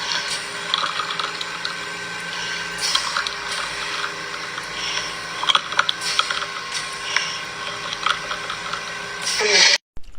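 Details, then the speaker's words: Real audio of a dying person's terminal secretions, which usually appear hours to days before death: a wet, bubbling gurgle with each breath; the death rattle. "there you have it that was it that is what we call terminal secretions or the death rattle and it usually happens a few hours to a few days before someone dies hence the name"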